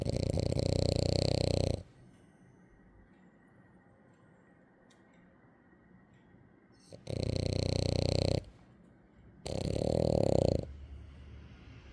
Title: Only my dog snores like that. #dog #doglady #frenchbulldog #dogsnoring #dogsnores #dogsleeping